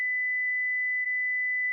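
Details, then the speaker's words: Philips HeartStart FRx automated external defibrillator, demonstration: steady high-pitched tone under two seconds as the shock is delivered after "shock advised" prompts, followed by "shock delivered". "Shock advised. Stay clear of patient. Press the flashing orange button now. Deliver shock now."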